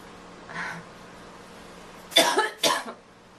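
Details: Cough in a girl who is feeling unwell and needs to blow her nose: a faint sound, then two sharp cough bursts close together against quiet room noise.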